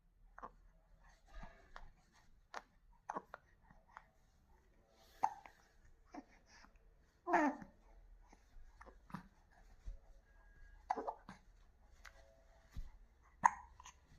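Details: Infant hiccups in a baby: quiet room with short, sharp catches of breath recurring every second or so, mixed with soft baby sounds.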